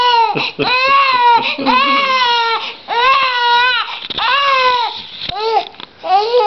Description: she screams when we try to burp her! lol*